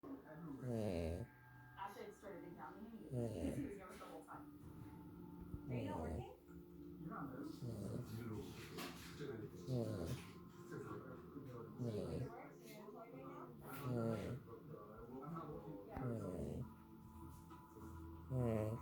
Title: loud snoring dog